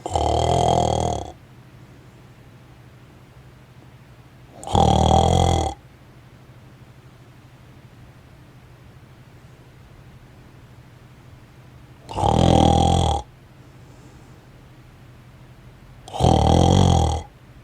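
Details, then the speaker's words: Four loud rasping snores, each about a second long, spaced several seconds apart over a steady low hum, from a sleeper; a contactless wall-mounted snore-stopper above the pillow triggers its flash only on snoring sounds. "das gerät reagiert auf die töne und geräusche durch das aufleuchten von roten leuchtdiode aber das blitzlicht von starker blitz led wird nur bei schnarch geräuschen eingeschaltet oh oh"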